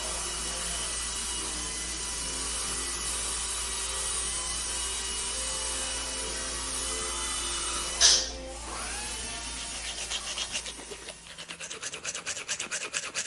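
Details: A steady, high hiss and hum of dental equipment in a treatment room, with a brief sharp burst and faint clicking near the end: a dental drill running.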